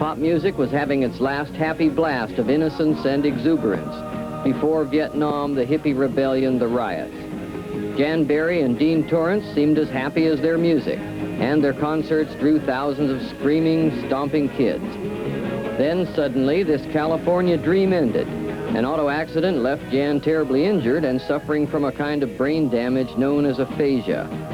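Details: Adult male narrator over background music; normal speech.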